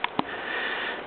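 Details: Pet rat with frequent sneezing fits since arriving a day earlier, also rubbing its nose; owner wonders if it is adjusting to other animals' smells: two quick sharp sneezes over background hiss.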